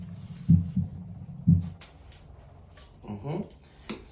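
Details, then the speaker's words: Two clear lub-dub beats at about 60 a minute from an adult male clinic patient; S1 and S2 close normally with no murmur, judged perfectly healthy; normal heart sounds. "so as I can hear the S1 sound love of the r AV volum the close normal that's a du sound S2 so SV sound it close normally too so all it you look perfect healthy"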